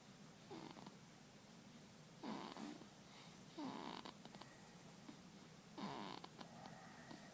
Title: Baby Snoring (September 2012)